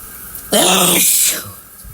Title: Intense Loud Shower Sneezing M